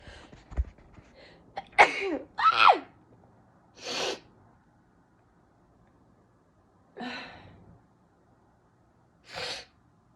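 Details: Sneezing nonstop: five forceful sneezes over about ten seconds, some preceded by sharp in-breaths; repeated sneezing.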